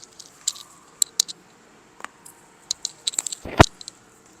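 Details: Neck joint cracking during manipulation for neck pain, patient told to relax and breathe: a run of small crisp pops ending in a louder crack, typical of joint cavitation.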